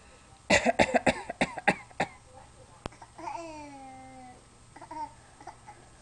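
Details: A young child gives a quick run of about six short, voiced pretend coughs, then a drawn-out vocal sound: a voluntary fake cough.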